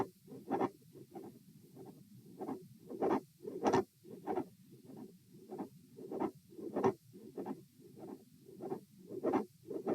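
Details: Auscultation stress test at position A with the subject lying, sitting, then standing, then lying again: fast, regular heart sounds about 95 a minute with a mid-systolic click and a split S2.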